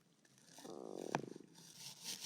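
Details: Stomach growling (borborygmi): a rising, bubbling gurgle with rapid fluttering pulses lasting about a second.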